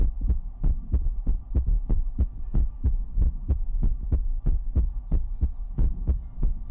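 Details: Heartbeat sound in an ASMR livestream: a steady, low thumping heartbeat at roughly 90 beats a minute with a soft hum underneath.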